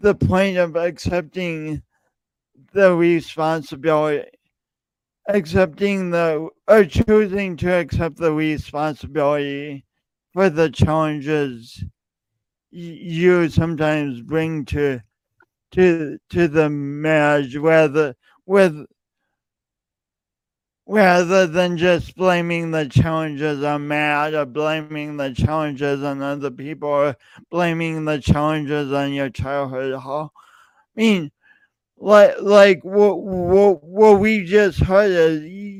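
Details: Male podcast host who says his speech impediment is audible every time he speaks; speech impediment (disfluent speech).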